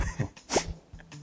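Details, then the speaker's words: Imitated canine sneeze by a person: short sharp nasal burst with a brief breathy lead-in; sneezing expels strongly irritating inhaled gas or foreign bodies such as seeds or insects from the nasal mucosa. "그래서 죄책이라는 건 원래 자극성이 되게 강한 기체를 들이마시거나 이러면 점막이 따끔따끔한 느낌이 나면서 그건 빨리 배출을 하려고 하는"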